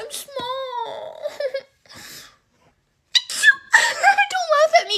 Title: The fake sneeze is so real at the end!! Why do they sneeze like that😭 #maincharacter #foryou